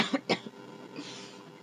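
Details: Two quick, dry coughs in close succession from an adult who says they are sick today, followed by quiet room sound.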